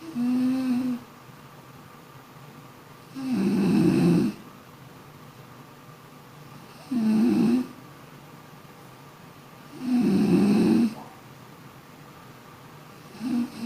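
Regular low, rough snores on each breath, about 18 a minute, with quiet pauses between; ordinary sleep snoring.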